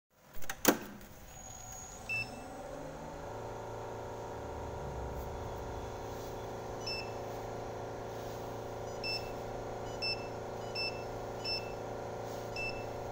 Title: Portable Diode laser machine!